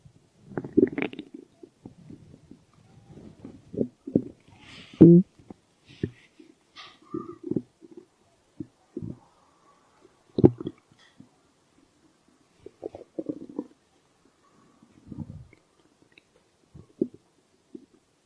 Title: Stomach growl